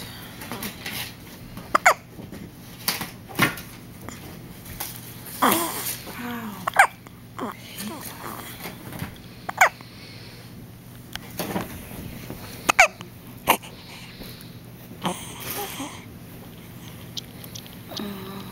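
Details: Newborn boy with hiccups: about a dozen short, squeaky hiccups over 18 seconds, like a squeaky toy, with soft baby noises between; ordinary infant hiccups.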